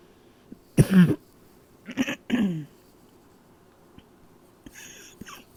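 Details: Three muffled, suppressed coughs at night in a quiet room, held back to stay quiet; nocturnal cough.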